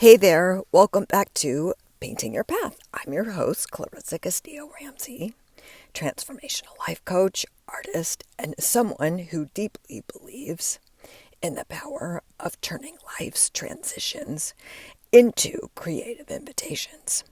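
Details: Adult woman with diagnosed spasmodic dysphonia, which she links to stress; onset when her voice started to go and words barely came out while speaking at an event; still present and still being worked through; spasmodic dysphonia.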